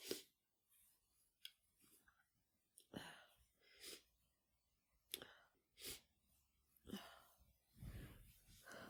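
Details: Person with flu sneezing repeatedly after taking chhinkni (sneezing snuff): a series of about eight sharp, breathy sneeze bursts in a quiet room.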